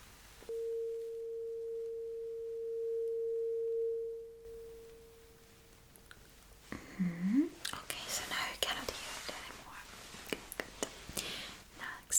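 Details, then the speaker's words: Acted hearing-test roleplay: a tuning fork is struck and placed behind the ear; steady pure ringing tone fades out, then soft rustling and handling noise. "Well, so I will put it right behind your ear and you will let me know when you cannot hear the vibration, the sound anymore."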